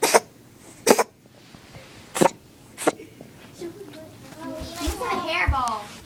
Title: Coughing cat